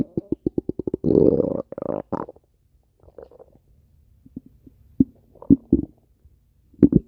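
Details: A rapid string of gurgling pulses, a long rumbling growl, then scattered pops and squelches; loud stomach growling, normal bowel sounds (borborygmi).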